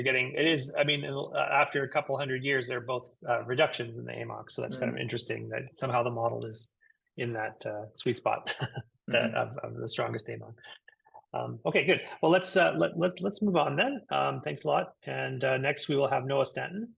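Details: Adult male speaker; normal speech.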